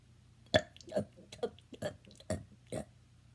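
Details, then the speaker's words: Person attempting rapid burps: seven short, voiced burps in quick succession within about three seconds, over a low room hum. "So today I'm going to attempt to do 5 burps in 3 seconds."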